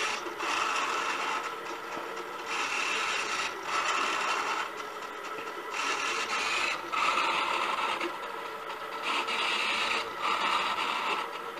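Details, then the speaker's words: Portable programmable bedside ventilator that squeezes a bag valve mask (Ambu bag) with a servo-driven scissor mechanism, set to a fast rate; waveform pauses, squeezes (inhale), releases (exhale); repeating whirring and grinding cycles, about 18 a minute. "this waveform is one where it relaxes pauses for a second and then squeezes and releases again and it squeezes the patient as in healing when it releases exhale"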